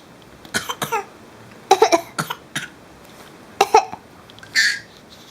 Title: 250513 copying mummys cough